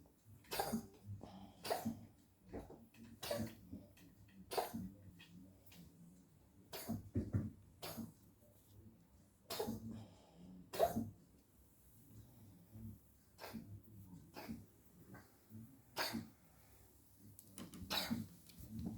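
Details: Dog coughing: repeated short, harsh cough bursts, about fifteen over twenty seconds, some in pairs, with quiet breathing between; a persistent cough.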